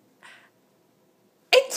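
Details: Sneeze that is laughed at: a soft breathy burst, then a sudden loud explosive burst.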